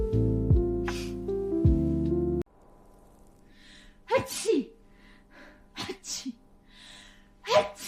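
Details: Compilation of sneezing: music at first, then several short, sharp sneezes in quick succession with small squeaky sounds between them.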